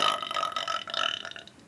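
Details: Burping contest: one drawn-out, throaty burp fading in under two seconds, an ordinary belch.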